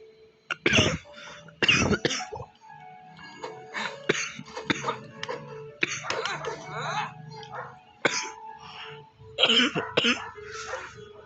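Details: Cough: several short, sharp coughs and throat clearing from an adult, with music playing in the background.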